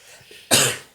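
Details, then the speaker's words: Adult with a lingering cough two months after a cold, which interrupts speech: a single short, dry cough after a brief quiet pause in a small room, a persistent post-viral cough. "I had a cold bug like two months ago and I still have this cough that just interrupts everything it makes it impossible for me to to say full you know conversations without an interruption"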